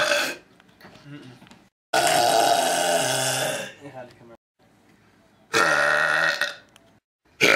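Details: Random burps: two long, loud, voiced belches with a few shorter grunting sounds between them; repeated burping.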